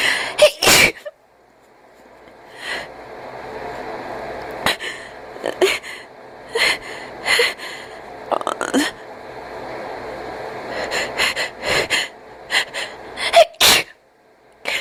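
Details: Cat sneezes repeatedly in sharp bursts with noisy, wheezy, gasping breaths between them; sneezing with wheezy breathing.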